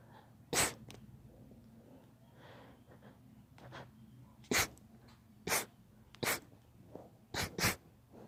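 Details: A daughter's allergy sneezing: a child sneezes about six times in eight seconds, sharp bursts in quick succession with quiet room noise between, repeated allergic sneezing.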